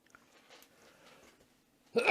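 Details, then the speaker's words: Adult speaker in a quiet room with faint rustling, then a sudden loud, harsh burst of air at the very end, cut off mid-sound: the onset of a sneeze. "죄송합니다 제가 재채기를 했네요"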